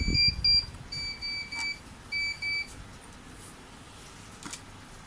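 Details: Repeated high-pitched double beeps from a neonatal nasal CPAP device being set up in a training demonstration, with room noise; routine device alarm beeps.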